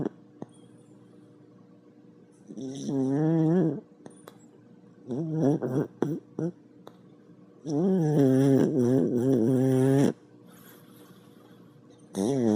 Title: Bubba Reindeer Snoring